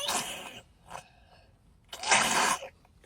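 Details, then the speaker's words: Young child (a celebrity's son) on medicine given every few hours for phlegm, coughing up mucus after a dose; two wet, harsh cough bursts with a short sound between them: productive cough. "See this medicine? It clear it clears his like thing. Like he's still coughing it up like a big boy though."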